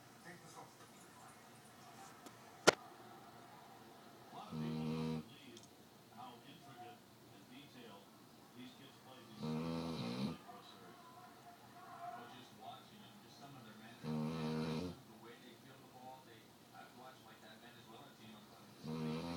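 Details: Presa Canario dog snoring: soft, rattling snores roughly every five seconds over quiet room noise, with a single sharp click near the start.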